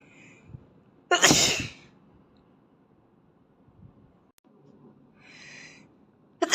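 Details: Asian boy with allergies: a single loud, sharp sneeze burst after a brief quiet inhale, then a softer breath and the start of another sneeze; allergic-type sneezing.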